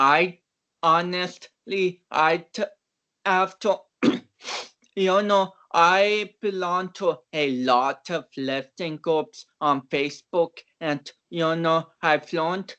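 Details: Dysarthric speech in cerebral palsy in a man of about 29, a powerlifter; doctors had not expected him to walk or talk.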